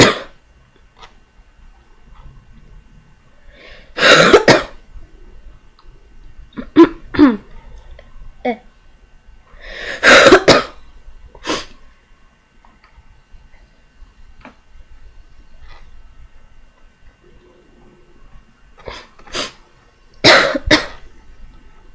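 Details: Several bursts of wet, throat-clearing coughs with pauses between them, from someone recovering from illness who feels better but still can't clear something inside.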